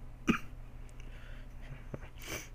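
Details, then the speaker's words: Speaker says they are a bit sick and may cough during the recording; cough. "am a bit sick, so If I sound a bit different or I start coughing, yeah."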